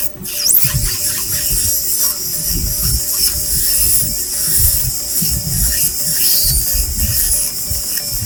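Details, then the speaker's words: Steady loud hiss, high whine and low rumbling churn as an air rotor with a small round bur and water spray removes caries in a class I cavity for composite restoration; dental equipment noise. "ignore this uh noise of this air RoR as I use it for demonstrate vide only"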